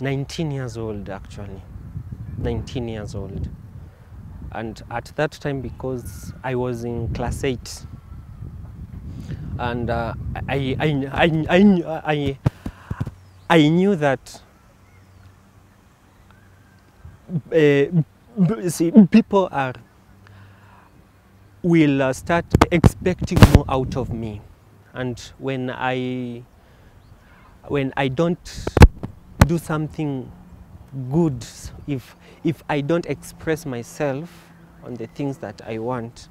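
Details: Kenyan man who has stammered since birth, noticed at age five; stuttering.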